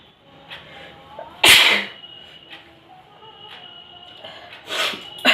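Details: Two sharp, explosive bursts of air a few seconds apart over quiet background music during a sneezing challenge; sneezes.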